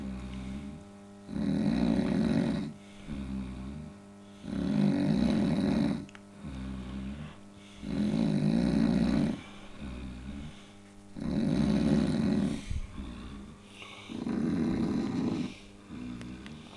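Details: Sleeper snoring: loud rough snores on each breath in, softer snoring on the breath out, about 14 breaths a minute; snoring.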